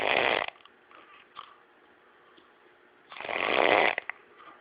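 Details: Loud, harsh snores about three seconds apart with quiet pauses between: heavy snoring.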